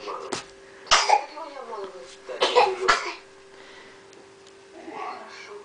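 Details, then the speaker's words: A young daughter playfully imitating coughing after her mother and grandmother while learning to repeat sounds: several short, sharp cough-like bursts. "Вот так мы тебя засни смотри как она передразнивает кашель бабушка кашляет она кашляет мама кашляет и доча кашляет дочь"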